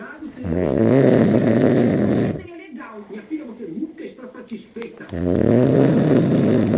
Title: Roncando de madrugada "ninguém merece"